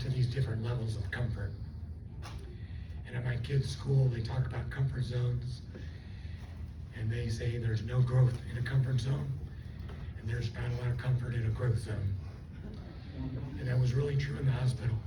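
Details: Adult man with dysphonia from unilateral left vocal fold paralysis after a left cerebellar stroke caused by neck artery dissection; the cords do not seal, and he also lost swallowing function.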